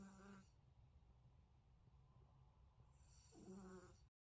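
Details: Faint snore-like breath sounds at the start and end over steady low room noise, from Sangria sleeping; soft snoring.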